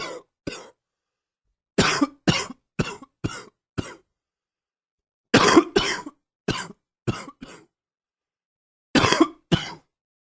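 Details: Repeated harsh adult coughs in runs, about fifteen in ten seconds, from an ongoing chest cold.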